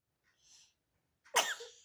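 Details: Baby's single small sneeze: a soft intake of breath followed by one sudden explosive burst.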